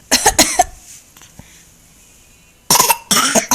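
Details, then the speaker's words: Young child says she has a bad cough and coughs on request; cough. "I have a bad cough"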